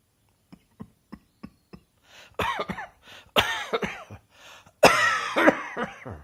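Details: Adult coughing: five short dry throat-clearing coughs, then three louder, harsher coughs with voiced, rasping tails.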